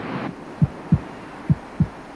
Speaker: it's quite loud the fetus's heart beats about twice as fast as her mother's monitoring the baby's heartbeat gives a good indication of her General condition